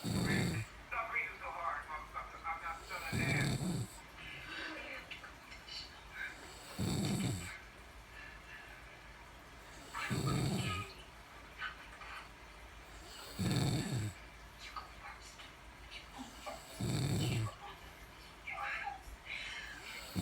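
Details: Woman caught snoring in her sleep: loud, rough snores on each in-breath, about 18 a minute, with quieter breathing between and faint background noise; heavy snoring.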